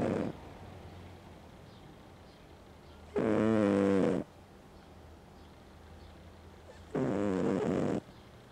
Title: My cat snores.